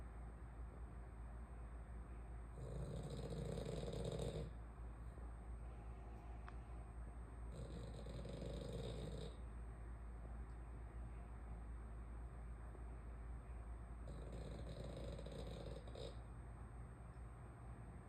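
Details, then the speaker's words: A female French bulldog snoring very loudly while asleep: loud, rough, rumbling snores about every five seconds, three in all, over a steady background hum. "why you snore so loud? Yeah, you snore really loud."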